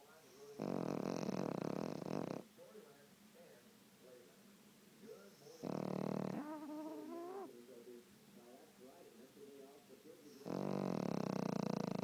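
Three long, loud rasping breath sounds about four seconds apart, with quieter breathing between: snoring in a sleeping dog.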